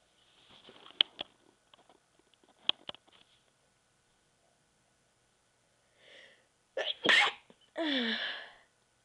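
Faint clicks and sniffs build up to a forceful sneeze, then a second drawn-out sneeze.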